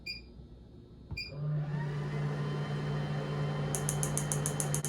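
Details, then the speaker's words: PEMF machine at about 35 intensity on the left knee (VMO) of an adult with chronic ACL deficiency from a 2001 soccer injury: clicks, then steady low hum with rapid ticking pulses about 220/min. "So I'm going to use my pen machine that I happen to have in my office. I'm going to get a little activation. I'm going to start this at about 35 on the intensity."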